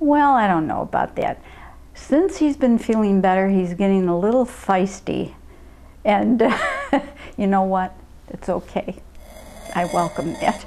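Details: Adult woman speaking; normal speech.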